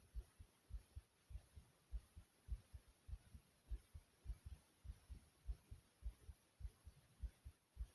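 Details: Adult heartbeat: steady, regular paired low thumps at roughly 100 beats a minute, with faint background hiss; described as beating soothingly.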